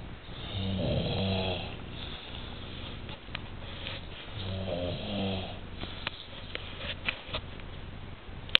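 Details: Adult napping after a large Sunday lunch at a hostelry: two long, low, rumbling snores about four seconds apart with some room noise; snoring during sleep.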